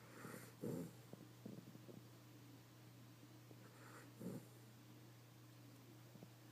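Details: A schnauzer snoring with her eyes wide open: two or three soft snorting snores a few seconds apart over a steady low hum.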